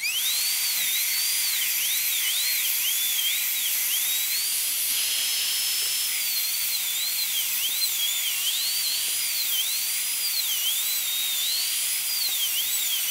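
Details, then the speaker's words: Full zirconia crown preparation, tooth number three (upper molar), rounded shoulder: steady high-pitched whine rising and dipping as the bur loads, a high-speed dental handpiece making distal then mesial proximal cuts to break contact. "let's go ahead and make our distal cut kind of a brushing motion always keep your eye on that proximal surface of the adjacent toes continue to move"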